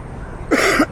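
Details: A single short throat clear from an adult man, who had worried he was getting bronchitis, with faint street noise behind.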